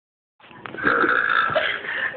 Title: Burping part 2